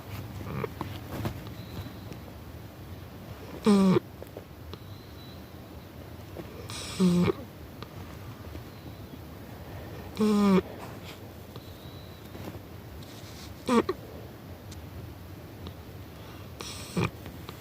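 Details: Sleeping cat snoring, with a short nasal snort about every three seconds over a low steady rumble.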